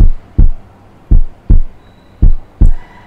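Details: Stethoscope auscultation at the sternal edges, patient reclining at 45 degrees, in a cardiovascular examination demonstration; clear, regular low-pitched lub-dub thumps at about 54 beats a minute, no murmur: normal first and second heart sounds.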